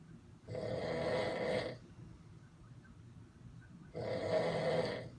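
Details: Snoring during sleep: two loud, rough, rattling breaths about three seconds apart with quiet between.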